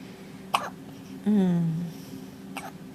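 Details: Baby with hiccups: two short, sharp hiccups about two seconds apart, with a brief voiced sound between them over quiet room noise.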